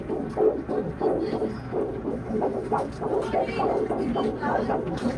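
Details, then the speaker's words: Fetal heartbeat on Doppler during a second-pregnancy ultrasound, with the fetus moving: rapid rhythmic whooshing pulses. The four-chamber view shows two ventricles and two atria, an intact interventricular septum and normal heart size for the thorax. "Four chamber view of the heart. Nagilikot siya. Lumada pa siya dito sa kabilang side. So, pakinggan natin yung heartbeat."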